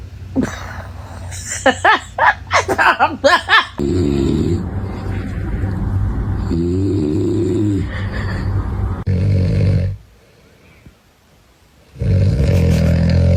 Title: Cats dislike their owners snoring 😴 #youtube #funny #anmals #catvideos #catfunny #cat #snoring